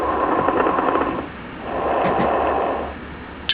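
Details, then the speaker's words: Simulated breath sounds on the SAM auscultation simulator, stethoscope over the upper lung: loud, bubbling, very coarse crackles throughout the breath. "breath sounds are easy to hear with sam place the stethoscope on the upper lung and listen to very coarse crackles"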